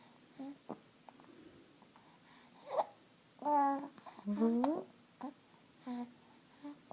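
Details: Six-week-old infant cooing with drawn-out vowel sounds, interrupted by short, abrupt hiccup catches at irregular intervals, about once a second.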